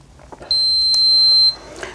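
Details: Enteral feeding pump for gastrostomy-button nutrition: a single steady high-pitched beep about one second long as the purge button is held 2 seconds to prime the tubing.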